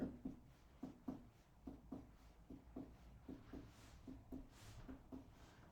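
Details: Tympanic percussion note during an adult male's head-to-toe assessment: paired tapping strikes while percussing all abdominal quadrants give a hollow, drum-like note, normal tympany.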